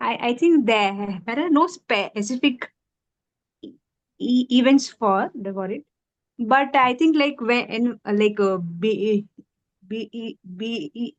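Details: Female who stammers, with relapse after childhood speech therapy; part-word and word repetitions audible; stuttering.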